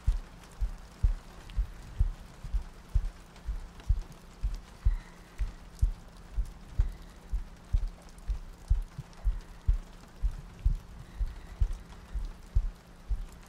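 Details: ASMR sleep-aid loop of a heartbeat with soft breathing and rain ambience: regular soft low thumps at about 62 a minute under steady rain-like noise.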